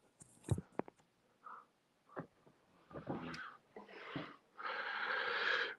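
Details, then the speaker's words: Puppy asleep beside a person singing: soft snoring sounds recorded close to the camera. "There's a sound of the puppy snoring just to my left. I thought it's perfect to have. I don't know if you can hear her snoring."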